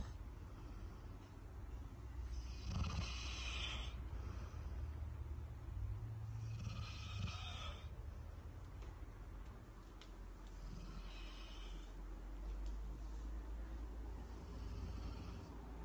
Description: Snoring Sleepy Head... Until the fridge opens!